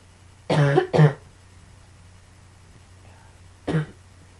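Three short coughs: a quick pair, then a single cough after a pause, over a low steady room hum.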